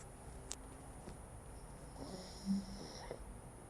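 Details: Sleeping dog after eating, snoring softly: low snores partly masked by steady room hiss.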